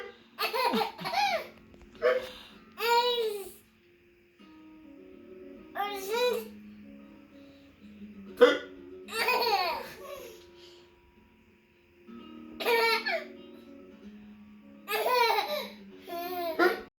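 Repeated short, abrupt vocal catches in a baby, mixed with laughing sounds and adult talk: hiccups.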